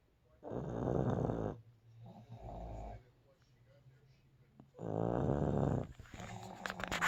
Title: My Pugs Snoring